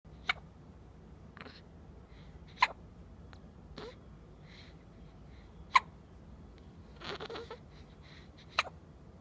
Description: Our Daughter only a few days old getting the hiccups.